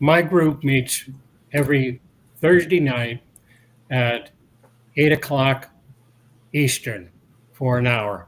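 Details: Adult man years after a 2017 stroke that caused aphasia and loss of mobility, with speech regained but residual word-finding difficulty that worsens when tired, dehydrated or agitated; aphasia with word-finding pauses.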